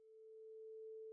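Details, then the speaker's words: Rinne test air conduction: a steady pure hum from a vibrating tuning fork held next to the patient's ear once sound via the mastoid bone is no longer heard. "as soon as the patient can no longer hear the sound hold the tuning fork next to the patient's ear"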